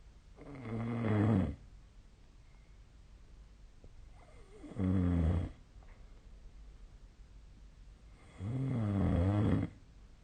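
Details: Sleep snoring on 2025/02/04: three loud, low, rattling snores on in-breaths, about 15 a minute, with quiet pauses between.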